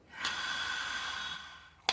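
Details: One long, slow, hissing inhalation through an incentive spirometer, followed by a brief click, demonstrated in a nursing class as a deep-breathing exercise; incentive spirometer inhalation.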